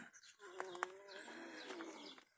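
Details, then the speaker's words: A cow making noisy breathing: a sustained, reedy, whistling breath tone of about two seconds with a slight pitch dip; the farmer hopes it is nothing but worries about dust pneumonia, common that time of year. "hopefully she's just making a little breathing noise to be making breathing noise but it's also that time of year dust pneumonia"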